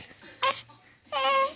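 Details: Two short crying bursts from a baby girl, the second a sustained wail, after a big yawn, with faint room noise; infant cry.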